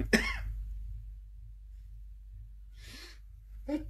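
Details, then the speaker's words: Single short, deliberate demonstration cough in a quiet room, followed by a soft breathy sound, spoken with the Swedish word "Jag hostar" (I cough); cough. "Jag hostar."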